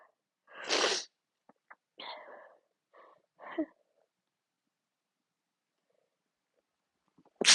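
One full sneeze, then several short, half-stifled sneezes in a quiet room, followed by silence and the start of another sneeze.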